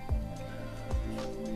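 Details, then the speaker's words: Fingertip pulse oximeter in beep mode signalling the heartbeat: two short regular pulse beeps, about 70 a minute, over a steady background hum. "нажимаем кнопку Exit будет Вот так вот сигнализировать ваше сердцебиение"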